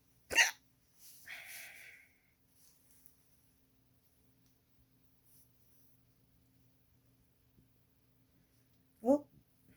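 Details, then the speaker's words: Simulated hiccups from an animated cartoon character (Pinkie): two short, sharp hiccup sounds several seconds apart, replayed from the cartoon, not a real patient. "now they're gone. Oh, no, they're not. Wow, they're still going. Guess they're gone now."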